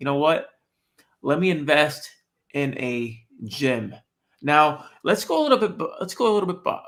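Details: Adult man born with cerebral palsy, who says he walks and talks differently from others; finding: dysarthria associated with cerebral palsy.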